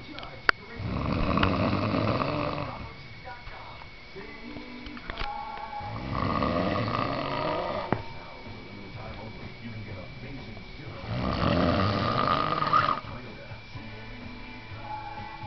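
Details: Adult man snoring while asleep on a couch: three long, rough, rattling snores about five seconds apart, roughly 12 per minute, with quiet breathing between; ordinary snoring.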